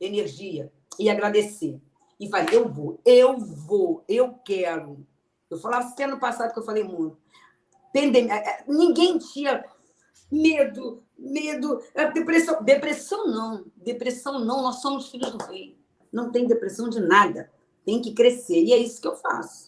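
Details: Aphasia in an adult woman, a sequela of a stroke suffered 12 years earlier.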